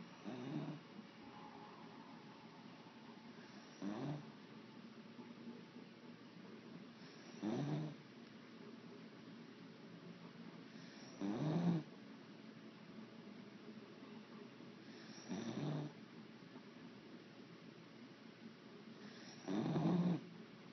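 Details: Beagle dog asleep, snoring: low snoring bursts about 15 a minute, regular breath-by-breath rumbles over faint room noise.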